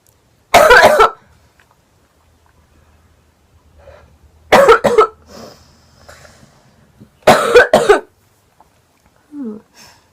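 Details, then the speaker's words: Three harsh coughing bouts, some with two or three quick bursts, separated by quiet breathing, from a girl with a lingering cold while smoking; cough. "I have a I still have a little cold right now."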